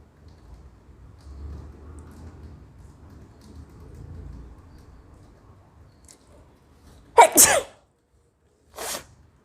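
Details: Woman in a spice-sniffing sneezing challenge, eyes watering and nose tickling after a long build-up: quiet rustling and breathing, then one loud explosive sneeze with a trailing burst and short sharp exhale.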